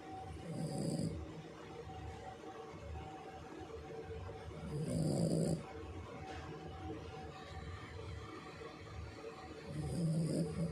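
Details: Sleeping Shih Tzu: three loud, rasping snores about five seconds apart, roughly 12 a minute, over steady room noise; snoring in a small dog.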